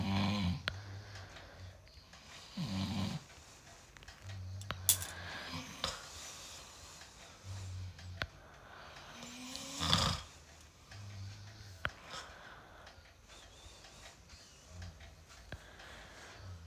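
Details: A husband's snoring: regular low rattling snores on each breath in, roughly every three to four seconds, with faint room noise.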